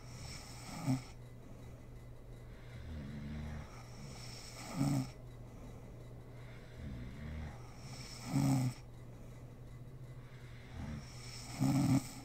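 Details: Sleeping mother snoring in a home ASMR recording: rough inhaled snores alternating with low fluttering exhalations, about 18 breaths a minute, over steady room hum; snoring in sleep.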